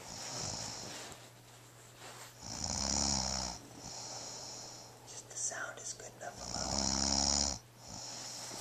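Two rumbling, fluttering snores about four seconds apart, each on the in-breath, with quieter breathing between them.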